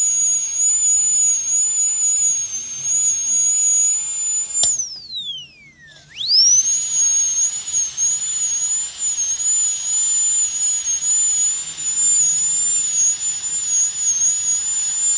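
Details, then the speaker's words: High-speed dental handpiece correcting under-reduction (about 1 mm measured, 0.2 mm left for finishing) in a full metal crown preparation on tooth #46 in a phantom head: steady high whine, dropping briefly in pitch under load, then recovering. "Okay, so I will just correct it. We are already leaving 0.2 mm for finishing, but cannot leave 0.5 millimeter for finishing."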